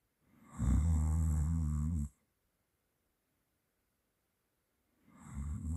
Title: OMG i snore while i sleep... Owo